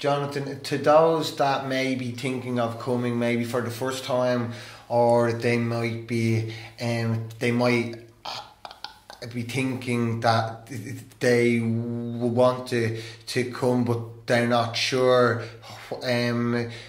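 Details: Stuttering in an adult male who stammers and has attended stammering therapy.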